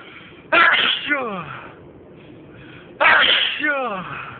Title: Unstifled loud sneezing fit